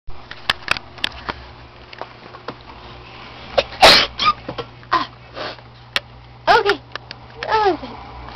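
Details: Girl sneezing; a single cute sneeze.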